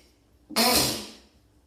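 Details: A standing person's single sneeze: a brief faint intake, then one sudden, explosive hissing burst that fades within a second.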